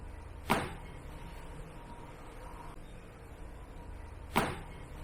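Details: Chiropractic cervical spine adjustment for shoulder stiffness: two sharp, brief neck joint cracks (cavitation) a few seconds apart over quiet room noise.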